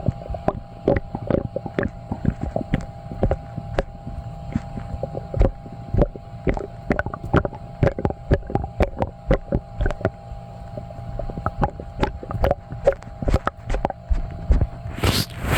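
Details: Sloshy stomach noises after drinking milk and eating cheesy foods: frequent irregular gurgles and watery sloshing pops over a low rumble; active bowel sounds, borborygmi.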